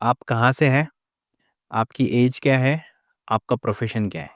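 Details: Adult male speaker; no disorder.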